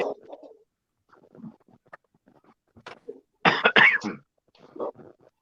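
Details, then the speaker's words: An adult coughing during a livestream after incense caught fire nearby; afterward the speaker says he swallowed something wrong. "okay I'm back little yeah right I swallowed something wrong"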